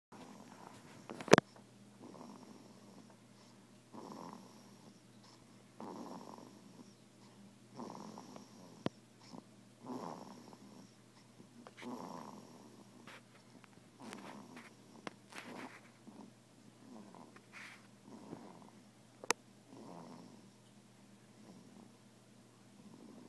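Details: A sleeping baby snores softly and regularly, about 30 breaths a minute, over a steady background hum.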